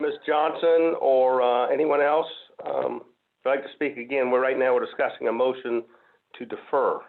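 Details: Adult speaker, over a narrow-band audio line; Normal voice.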